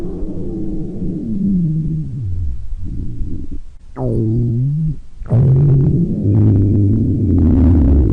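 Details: Young man's stomach growling: low gurgling rumbles with sliding, whine-like growls from gas and fluid moving through the gut; borborygmi.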